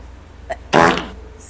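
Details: Sneeze on a TV broadcast: a brief catch of breath, then one sudden loud voiced burst that fades over a fraction of a second, a single sneeze.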